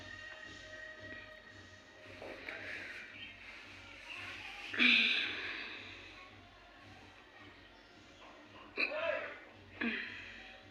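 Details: Woman with three abrupt, sharp hiccups irregularly spaced a few seconds apart over room hum; hiccups.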